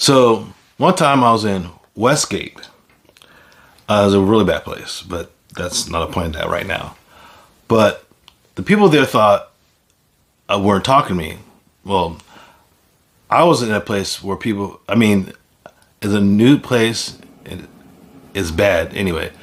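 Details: Aphasia in an adult man following a stroke; finding: aphasia.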